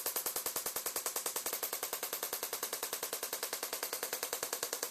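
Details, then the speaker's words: Shockwave therapy for patellar tendinopathy: fast, very regular sharp clicking pulses, a little over three a second, delivered along the patellar tendon from the kneecap down to the tibia; shockwave therapy device pulses. "so we're going to do some shock wave along this whole tendon from the kneecap down to the tibia"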